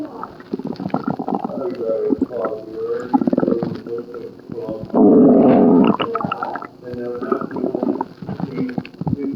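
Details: Person in hospital for an upset stomach: continuous bubbling, gurgling noises with a loud sustained rumble near the middle; active stomach growling.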